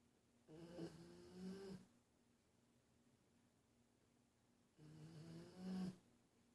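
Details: Two soft, buzzing snores with short whistling tones, about four seconds apart, in a quiet room; light snoring.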